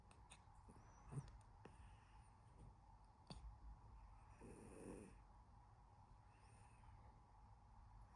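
Soft, low snoring breaths with faint snuffling over a steady low room hum; gentle snoring in a sleeping cat.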